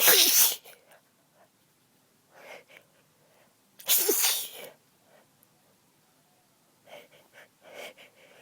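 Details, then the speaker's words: Stifled sneezes from a person with lingering cold congestion, sneezy after cleaning a dusty closet: two short, partly held-back sneezes with soft breathing sounds between, recorded quietly at night. "I'm also kind of trying to stifle them because I got a request to stifle but I'm not very good so I thought I might give the opportunity to try right now"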